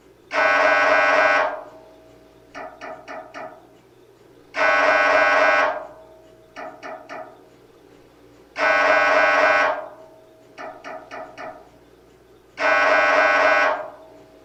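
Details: Sample MRI scanner sounds to prepare patients: loud buzzing tones about every four seconds, each followed by a short run of quick knocks; normal MRI scanner noise.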